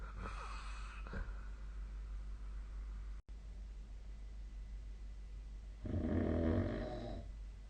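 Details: Snoring during sleep, recorded on 2025-02-03.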